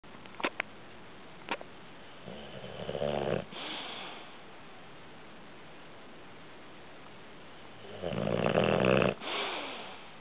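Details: A sleeping pet named Sparks, called a dragon, with added background audio: two loud rattling snores on the in-breath, each followed by a softer airy out-breath; ordinary snoring.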